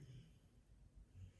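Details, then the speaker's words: Pet dog snoring loudly while asleep in a small room: quiet, low rumbling snorts heard at the start and again near the end. "bear bear bear stop snoring oh my gosh sorry he's so loud"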